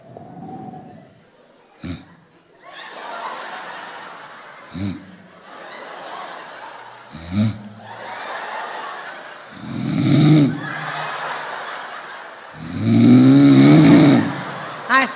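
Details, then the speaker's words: A sleeping dog snoring: soft, airy snores that start gently and swell into sudden loud, rattling snores. "Empiezan a roncar tan suave que hasta te relajas de lo suave que roncan al principio."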